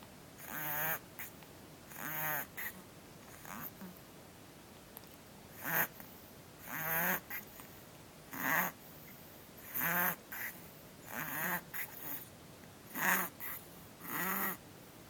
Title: Kitten breathing problem